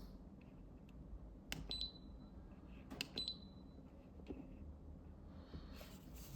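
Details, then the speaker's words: Short high electronic beeps and clicks, spaced irregularly, in a quiet room from a Woodpecker Woodpex V dental apex locator during unboxing, with three audio intensity levels for its beeps. "The screen is not exactly topnotch, but you don't actually need it. This to be functional. It's in color. Three levels of audio intensity for the bibs."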